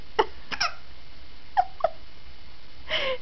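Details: Smiling, happy infant boy with hiccups: short, sharp, catching sounds, a few spaced hiccups over about three seconds, without distress.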